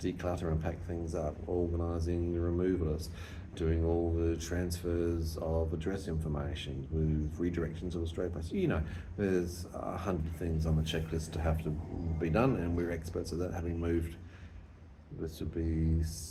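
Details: Adult man speaking; ordinary speech.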